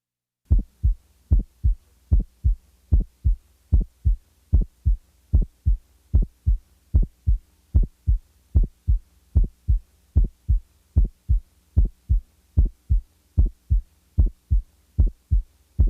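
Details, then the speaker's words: Regular heartbeat about 75 a minute with the first heart sound heard as two separate parts: a widely split S1, which may come from electrical or mechanical causes such as right bundle branch block. "listen now to a widely split first"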